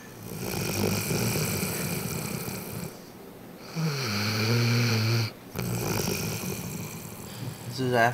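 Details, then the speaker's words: Female Ridgeback sleeping after a long day at doggy day camp and two bowls of food: loud, rough, rumbling snores with low droning tones over steady room noise, recorded close up; dog snoring. "Okay. Let's see if we can record her snoring. Pretty loud."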